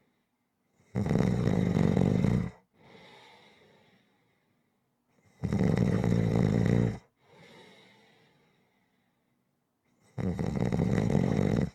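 Loud, harsh, buzzing snores on each in-breath with a softer airy breath out, about 13 breaths a minute: heavy snoring.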